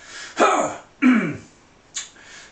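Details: 49-year-old man with full-blown Tourette syndrome plus, with vocal and motor tics: throat-clearing vocal tic right after an exclamation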